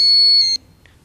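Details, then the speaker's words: Redsense blood-leak sensor alarm unit demonstration: loud piercing steady alarm tone about half a second, then a faint chirp, as the sensor connector is displaced or pulled from the alarm unit; yellow alarm light flashes. "when the connector is disconnected from the alarm unit an alarm signal will sound and the yellow alarm light will flash when the connector gets displaced from its original position or slowly pull out you will also have an"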